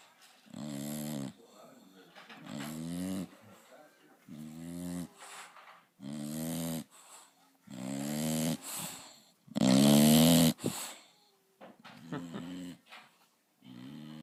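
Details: Bulldog snoring loudly: loud, rattling snores in regular bursts, about eight in fourteen seconds, with quiet gaps between them; heavy snoring from a sleeping dog.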